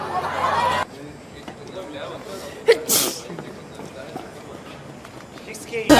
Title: Kpop Idols Sneezing!!!!